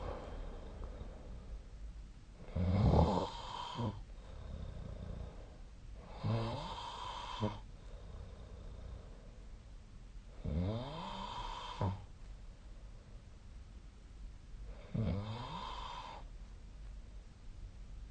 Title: 🐽 本日のイビキ / Snoring Sleep Sound 2025/03/31